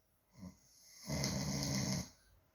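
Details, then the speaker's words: Man snoring during sleep, one who says his partner snores loudly; a short lead-in breath, then one loud, harsh, rumbling snore lasting about a second: loud snoring. "tells me that I sound like I snore really loud, but do you guys hear this?"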